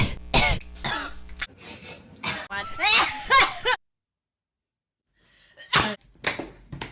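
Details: Coughing sounds from a compilation of repeated coughs, recorded in ASMR style.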